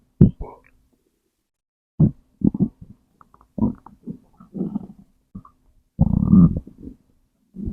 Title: stomach growl #2